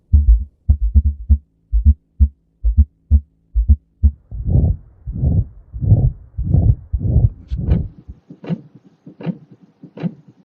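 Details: Abnormal heart sounds: low heart thumps at about 66 per minute, later joined by longer whooshing sounds between beats.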